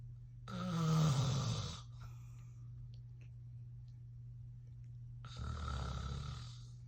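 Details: Adult man (father) asleep, snoring: two loud, deep, rattling snores on inhalation over a low room hum.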